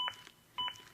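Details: ZOLL AED Plus during CPR demonstration: two short, sharp electronic beeps about half a second apart, an adaptive metronome that monitors chest compressions and pushes the rate to at least 100 a minute.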